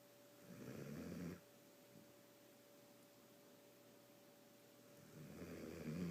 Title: Hilarious loud snoring dog.